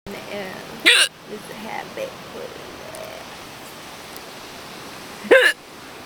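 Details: Person with hiccups all day, recorded outdoors at a beach: two loud, abrupt vocal hiccups about four seconds apart over steady background noise and faint talk.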